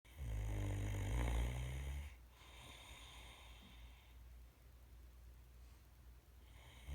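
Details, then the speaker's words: Sleeping Great Dane snoring: one long, loud, low rumbling snore, then quieter breathing against faint room hum. "Yes, Max, I heard you snoring. I know, you probably say you don't snore."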